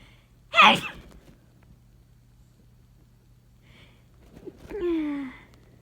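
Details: Abrupt sneeze: one sudden explosive sneeze, a quiet pause, then a voiced sighing exhale.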